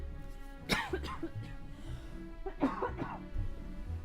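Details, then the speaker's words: Two short, wet-edged coughs or throat clears from an adult during a gaming stream, with game music in the background; the speaker says they are not smoking, just coughing. "I'm not smoking. I'm just coughing."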